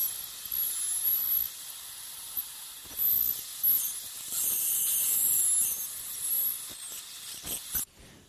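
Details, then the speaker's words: Ultrasonic piezoelectric bone saw making crestal osteotomies with light sweeping pressure in dental sinus surgery, about 5 mm distal to the canine root: high-pitched hissing, squealing whine with a brief pause near the end. "so as again as with the sinus window osteotomy there's very little pressure just more of a sweeping motion and uh this saw cuts vertically as as well as as sagittally so it you gives you a two-dimensional in ision"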